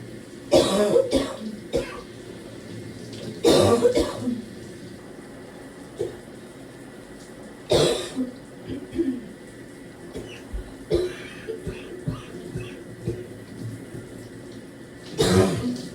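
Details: Adult in the shower trying to clear mucus: about five deep, harsh, barking productive coughs with smaller throat-clearing sounds over steady hiss; coughing at times severe enough to double them over.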